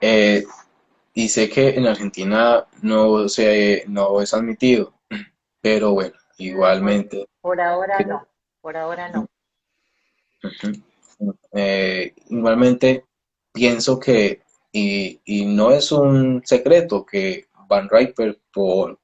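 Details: Adult Colombian speech-language pathologist who stutters and founded a stuttering foundation; stuttering.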